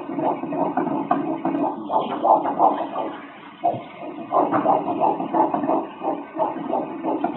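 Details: Fast, regular whooshing pulses at about 170 per minute: the heartbeat of an 8-week fetus.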